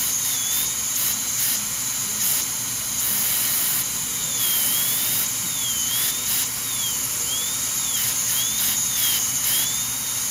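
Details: High-speed dental drill preparing porcelain veneers on teeth #7 and #8 with lingual chamfer margins. High-pitched whine starting and stopping in bursts, with pitch dips as it cuts through the interproximal enamel between the front teeth.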